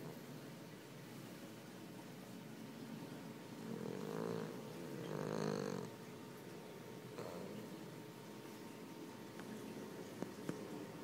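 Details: Sleeping Boston Terrier dog, eyes open, snoring: two loud rattling breaths then a softer one.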